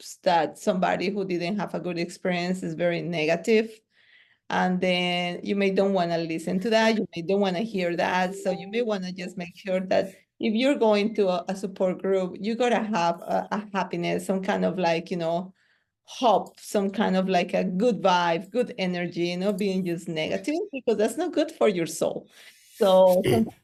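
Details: Adult speaker; ordinary speech.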